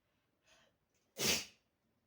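A short inward breath followed by a single sharp, hissing sneeze.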